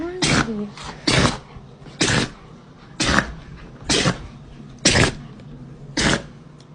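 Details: Pet's rapid sneezing fit: eight forceful, hissing sneezes about one per second; repeated sneezing.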